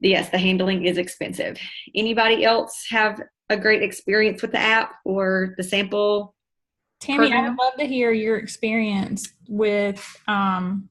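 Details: Adult woman speaking; Normal voice.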